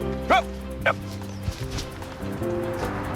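Two brief, sharp, bark-like yelps over soft background music: acted vocal tics of Tourette syndrome.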